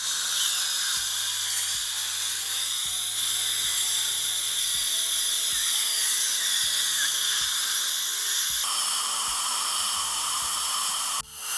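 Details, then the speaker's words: Loud high-pitched dental drill whine with steady suction hiss during upper right posterior tooth preparation; dental hygienist places the saliva ejector distal to tooth 47 and the metal high-volume tip buccally to evacuate aerosol. "살리바 팁을 47번 디지털 쪽으로 두고 메탈 팁을 버컬 쪽 10번대 버컬 쪽으로 하면서 에어 로저를 다 흡입하도록 합니다"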